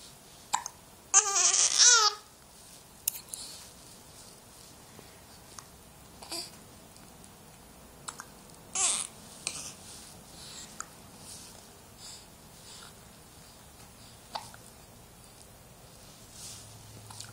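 An infant squeal, then a few scattered short hiccup sounds against quiet room noise.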